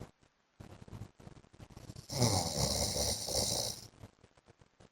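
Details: A long, loud, rough snore on breathing in, with softer snorting breaths before and after: an adult man (husband) snoring in sleep.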